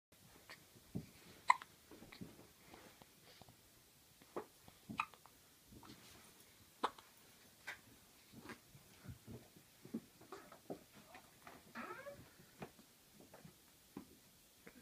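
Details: 13-day-old infant moving around with hiccups: soft, brief catching sounds repeating roughly every half second to second in a quiet room.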